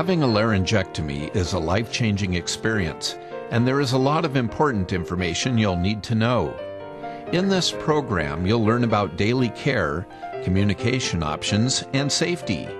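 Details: Adult male narrator; normal speech.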